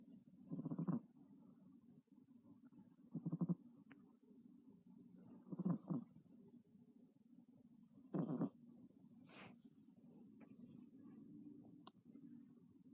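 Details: Sleeping cat, described as a loud snorer: soft, low, irregular purring snores roughly every few seconds in a quiet room.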